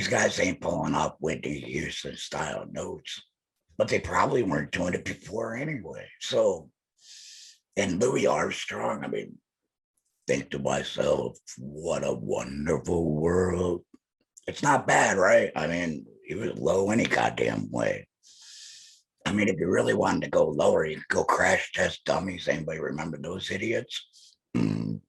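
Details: Laryngectomee man speaking with an electrolarynx held to his neck, his only form of communication; electrolarynx speech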